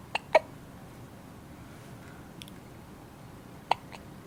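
Brief, sharp hiccup catches in a quiet room, two close together and one more a few seconds later; hiccups.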